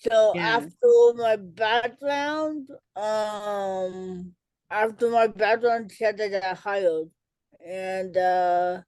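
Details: Adult woman with cerebral palsy, self-described as talking differently and possibly hard to understand; dysarthria.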